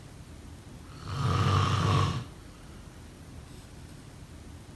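One loud, low rattling snore on an in-breath, then a quiet pause, with the next snore starting at the end; typical sleep snoring.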